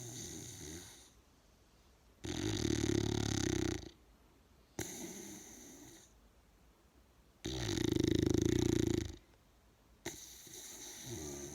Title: Snoring big bull